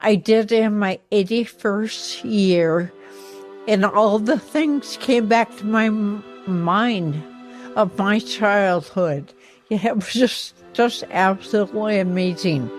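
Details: Woman with ataxia affecting her motor skills and voice; ataxic dysarthria.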